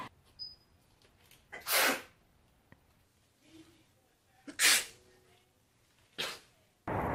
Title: Sneeze Goddess Compilation